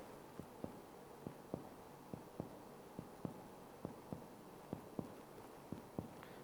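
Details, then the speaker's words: Cardiac percussion on the right chest, top to bottom along the anterior axillary line: sharp hollow finger taps, often in pairs, changing from resonant to dull while locating the right heart border. "sampai kita menemukan perubahan dari suara sonor ke pekak."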